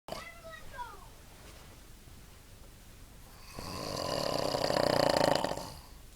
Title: Some idiot snoring